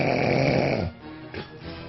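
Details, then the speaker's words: Loud snoring of a sleeping person filling a room. "अगर कमरे में खर्राटे की ऐसी आवाज गूंजती रहे तो भला नींद कैसे आएगी?"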